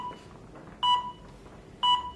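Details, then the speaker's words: Blood glucose meter beep: two short electronic beeps from a phone-connected glucose meter as a fingertip blood drop is drawn into the test strip and the five-second measurement starts. "Älä pyyhi näytteenoton jälkeen testiliuskan päätä. Mittari piippaa ja aloittaa laskennan."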